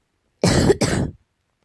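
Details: Cat with suspected allergy: two quick harsh coughing bursts in close succession, a short coughing episode.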